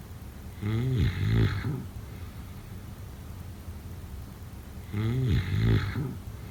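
Two loud, low, vibrating snores on breaths in, a few seconds apart, with quiet between: heavy snoring during sleep.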